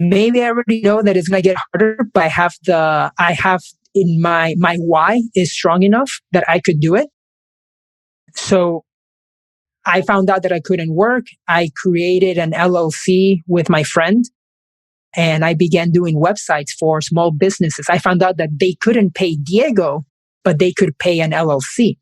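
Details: Adult man who has stuttered since age five; stuttering.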